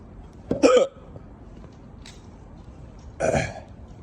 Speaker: Man, I got mad hiccups. Mad hiccups.